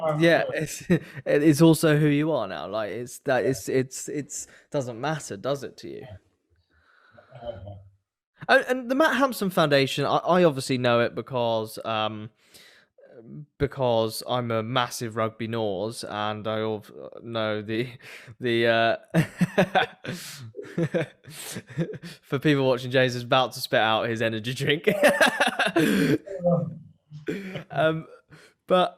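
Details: Adult male speaker; typical speech.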